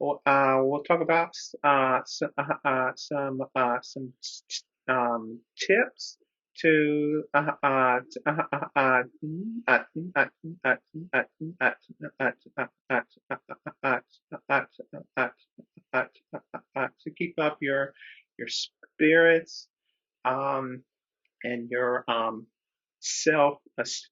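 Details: Adult man who describes himself as a person who stutters, speaking with repetitions and filler interjections while co-hosting a webinar: stuttering.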